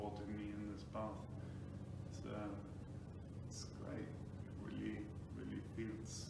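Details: Ataxic dysarthria in an adult man with Friedreich's ataxia, diagnosed about five years earlier; he reports slurred speech at times, difficulty pronouncing words, and pushing with chest and lung volume to speak.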